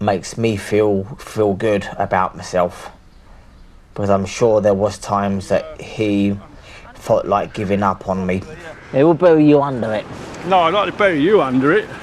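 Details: Palilalia/echolalia vocal tics in an adult man with severe Tourette syndrome present for over 30 years; involuntary word repetition heard.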